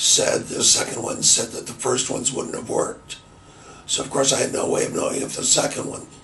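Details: Adult man with laryngitis from chronic bronchitis that began about two and a half years earlier, with a diagnosed left vocal cord paralysis, recorded before his 11th NBE treatment session; dysphonia with unilateral vocal cord paralysis.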